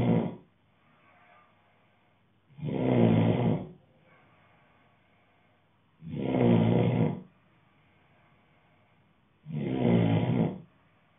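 Loud, rough snores of about a second each, recurring every three to four seconds with quiet exhalations between: steady snoring during sleep.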